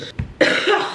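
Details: A single short, moist cough burst from an adult with a cold that week, feeling better on waking.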